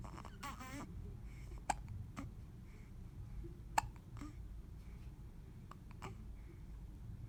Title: Baby with hiccups